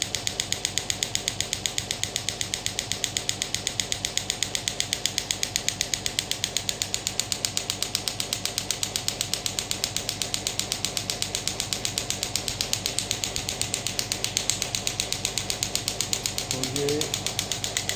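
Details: Biotronix pneumatic radial ESWT shockwave therapy machine demonstrated off the hand at maximum intensity: rapid, very regular sharp ticking pulses, about 95 a minute. Radial shockwave applicator firing.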